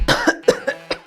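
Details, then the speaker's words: Acted cough for a cough-medicine advert: an adult employee acts out a quick run of about four to five short coughs in a small room. "tipe-tipe atasan pas anak buah batuk"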